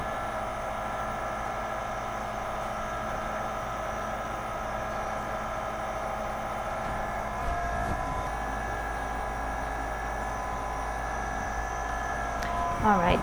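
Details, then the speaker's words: Nebulizer running with medication during a pulmonary function test, given between the pre- and post-drug tests: a steady mechanical hum and hiss, faint background noise and brief clatter near the end. "now I going to give you the nebulizer with medication Al"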